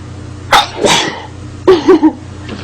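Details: Woman sneezing multiple times in a row: two sneezes, each a sharp inward catch followed by an explosive burst, over a steady background hum.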